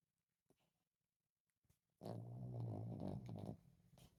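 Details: A small chihuahua napping after a busy day chasing squirrels and playing: a single brief, soft, low, rattling snore in a quiet room. Ordinary snoring in a sleeping dog.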